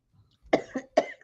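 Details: Three short, sharp bursts of dry cough in quick succession from a participant during a recorded online group chat; another joked it was from vodka.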